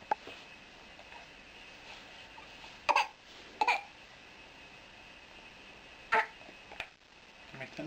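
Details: A young boy's latest trick: a few short, deliberate cough sounds made on request, a voluntary fake cough rather than an illness cough.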